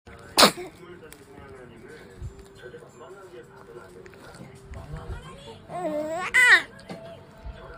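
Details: Newborn baby sneezing: two brief, sharp sneezes, one near the start and one near the end, over faint music and household noise.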